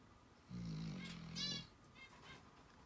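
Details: Snoring recorded on 03/11/19 for airway assessment: one low, buzzing snore on a breath in, then a softer breath out, against quiet room noise.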